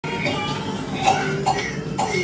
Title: Coughing. (test)